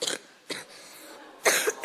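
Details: A child singer with a cold gives three short, harsh coughs in quick succession; cough.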